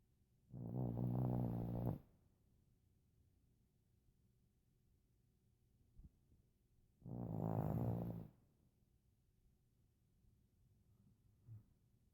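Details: Small dog with a big snore: two long, loud, low rattling snores about five seconds apart, with quiet breathing between; snoring.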